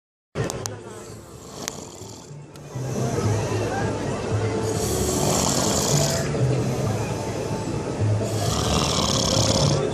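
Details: Heavy snoring: loud, rough, rattling snores with noisy breath surges about every four seconds over a steady low background noise.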